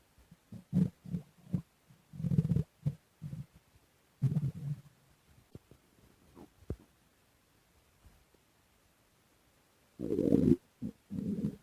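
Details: Irregular low gurgles and rumbling bursts with quiet gaps between: stomach growling bowel sounds while digesting lemon cake.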